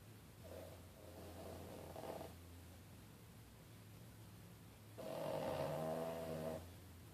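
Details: Snoring like a freight train: two rough, rattling snores with a quiet pause between them, over steady room hum; ordinary snoring.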